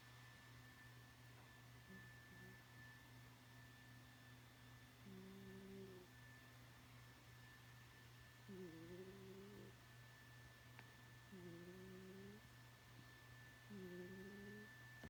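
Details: A sleeping cat snoring: soft, slightly tonal snores, about 20 a minute, heard over a steady hairdryer hum.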